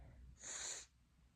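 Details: Single hissing sneeze burst, mostly high-pitched air noise, about half a second, after the person remarks on their nose; part of a nonstop-sneezing series.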